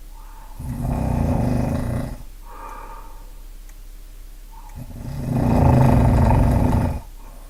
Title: Typical snoring profile - timing analysis and audio examples